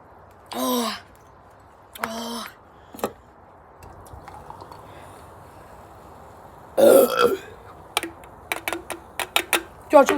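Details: Person gives three drawn-out, low, voiced belches, then a run of short clicks and brief sounds; burping.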